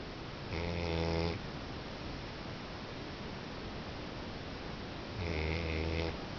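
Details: Snoring: two loud, buzzing snores about five seconds apart, with steady low room noise between them; ordinary snoring.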